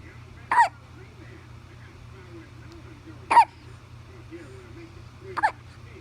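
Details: 1-month-old infant hiccups: three short, abrupt hiccup sounds at about 22 a minute over a steady low room hum.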